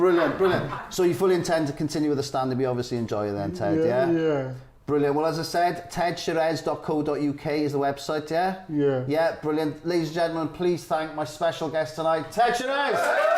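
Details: Adult male speaker; ordinary speech.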